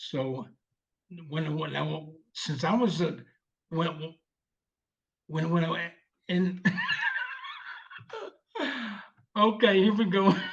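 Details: 74-year-old male veteran with aphasia from a stroke 7 years ago, initially unable to read, speak or write, now speaking with repetitions; non-fluent aphasia.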